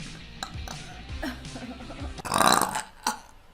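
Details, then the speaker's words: A girl gives a long, loud, rumbling burp over background music: burping. "Sorry, that was rude. Excuse me. >> Hey. Oh, that came out of nowhere."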